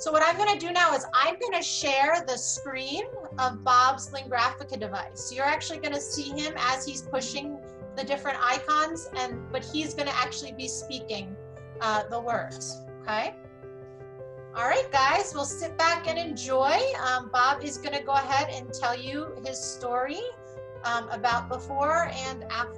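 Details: Adult female speaker; normal speech.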